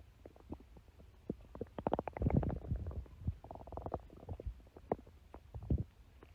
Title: stomach growling (for @Amandaforbuddies2 )